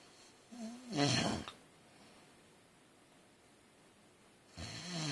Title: My husband still snoring his head off !!!!